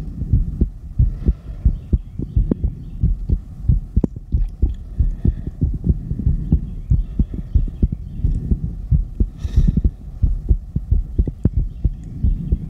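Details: Heartbeat ASMR recorded after exercise: strong, rapid thumping heartbeat at about 90 per minute with soft whispering over it; normal raised heart rate after exercise.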